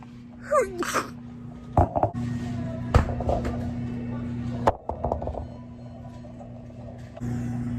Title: Sneeze girl